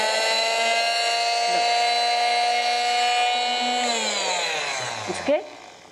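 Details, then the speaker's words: High, steady electric whine like a hairdryer, dropping in pitch as it winds down: an oscillating electric cast saw used to remove a child's cast. "i'm going to use this electric saw it has a sound like the hairdryer of your mother but don't be afraid"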